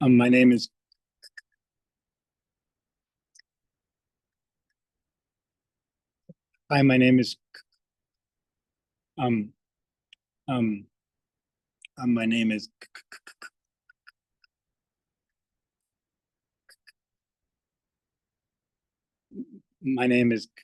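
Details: Adult male speech-language pathologist who stutters, demonstrating his past stuttering at its most struggled, from his first graduate placement; repeated blocks and phrase repetitions.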